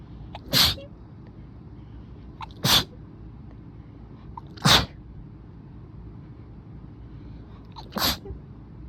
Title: Rapid fire allergy sneezes